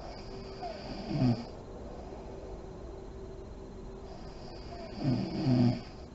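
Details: Sleeping mother in deep REM sleep, lights on: two snoring breaths about four seconds apart, each a low fluttering rumble with a soft puff of air; snoring.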